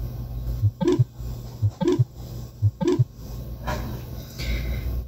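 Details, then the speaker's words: Simulated mitral valve prolapse from an auscultation practice app: heart sounds at about 60 beats a minute with a sharp systolic click. "también va a haber patologías por ejemplo una estenosis mitral leve una estenosis mitral moderada o una regulación mitral así como también un prolapso de la válvula mitral"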